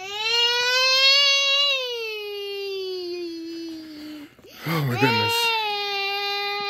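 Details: Infant during tummy-time training cries with sustained high-pitched wailing, a short catch-breath gasp midway, then the wail resumes, faint music in background; infant cry.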